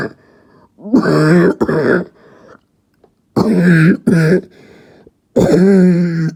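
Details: Barking cough.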